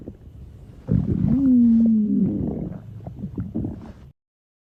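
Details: College girl stomach growling (borborygmi): a long, low, falling growl with a moaning tone, followed by softer gurgles.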